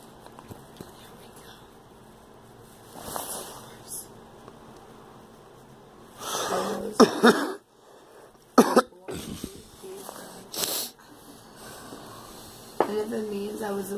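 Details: Girl coughing: several loud, harsh coughs in short bursts with soft breaths and faint room noise between them.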